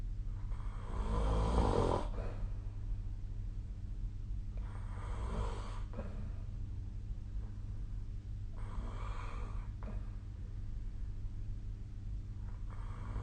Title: 🐽 本日のイビキ / Snoring Sleep Sound 2025/02/12